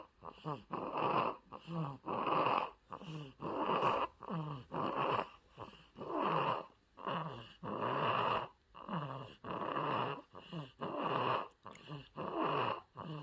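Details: Rumbling, snorting noises on each breath, about 22 breaths a minute, from a sleeping 53-day-old baby snoring, apparently with a blocked nose.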